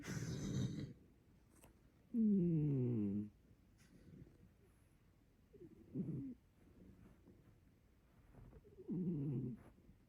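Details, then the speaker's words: Loud, low rumbling snores from a cat, about four in ten seconds, one with a falling, buzzy tone: snoring. "I'm sorry he snores so loud"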